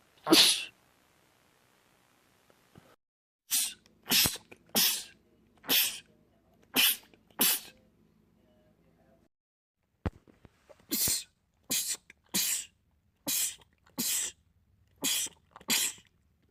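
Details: Rapid run of about fourteen short, explosive sneezes by a man in two bursts, with faint background hum; a repetitive sneezing fit in a compilation of film clips.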